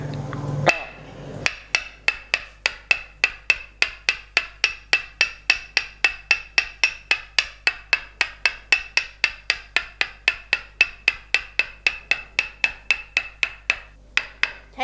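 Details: Steady sharp wooden knocks, about 220 a minute, during tok sen, a traditional northern Thai massage: a four-legged wooden tool straddles the spine and is tapped with a mallet along the back, used for back pain or bone pressing on nerves.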